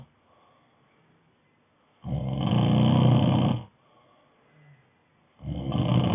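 Loud, low, rattling snores on the in-breath, about 1.6 seconds long, separated by quiet pauses. Typical snoring.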